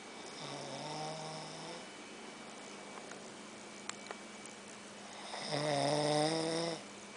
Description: My brother snoring after a long day of work. I had to video tape him so that he knows he snores ha.